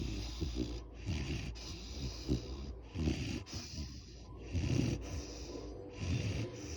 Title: Great Dane Charlie snoring